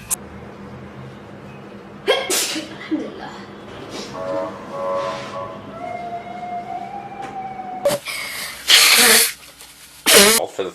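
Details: A person who says they are still sick, sniffing and snorting amid noisy background, then loud sudden sneeze-like bursts near the end; sneezing.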